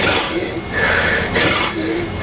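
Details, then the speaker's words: Recorded sleep study of a man with obstructive sleep apnea: after no airflow with increasingly violent respiratory effort, loud noisy snorting gasps as he catches his breath, then another episode begins; snort and gasp ending an obstructive apnea. "watch the effort becomes more and more violent to try to breathe and a message is sent to his brain that he's not breathing and he will snort and gas"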